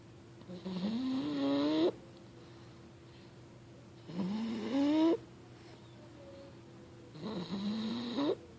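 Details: Snoring recorded 6/25/2013: three snoring breaths, each rising into a whistling, squeaky tone, about 19 a minute, with quiet exhales between.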